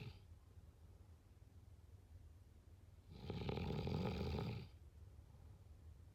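One long, deep, rattling snore on a breath in, standing out against quiet room noise; typical sleep snoring.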